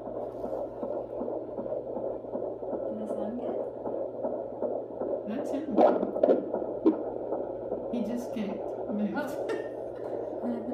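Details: Fetal heartbeat at 16.5 weeks of pregnancy on handheld Doppler, picked up low on the abdomen; fast, soft, whooshing pulse, somewhat faint, louder before the baby moved and then quieter.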